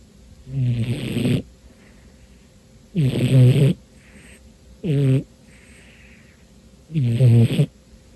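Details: Romeo, a cat, deep asleep on a dark afternoon and very tired, snoring as he usually does when sleeping: low, buzzing snores on breaths in, faint hissing breaths out, about 15 breaths a minute, steady faint background hum.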